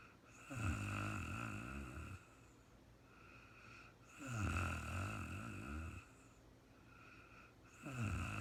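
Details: Real-time recording of a woman sleeping: regular loud, low fluttering snores on each in-breath, about 16 breaths per minute, with quiet pauses between.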